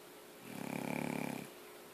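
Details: Snoring: one long, fluttering, buzzing snore lasting about a second.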